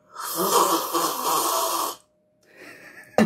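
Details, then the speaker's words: Recording of a person snoring after falling asleep at a sleepover: one long, rattling, noisy snore of about two seconds, a pause and faint breathing, then a sharp click. "That's me when I was snoring when I fell asleep on the sleepover. You sound like Snorlax."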